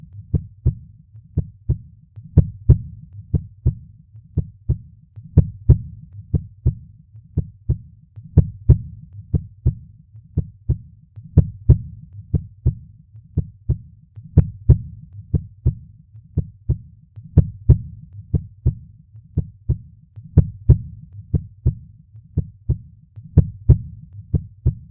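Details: Steady paired lub-dub heartbeat thumps at about 60 per minute with a low steady hum underneath; normal heart sounds.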